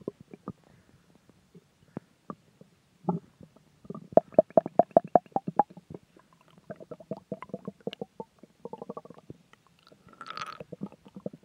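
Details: Stomach growling (borborygmi): bursts of gurgling, bubbling clicks and low rumbles with a brief squeaky run.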